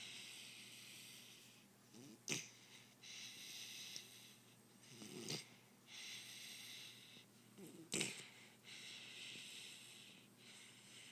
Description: Our blue doberman sleeping & snoring.